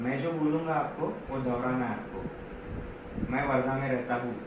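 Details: Adult male clinician; normal speech.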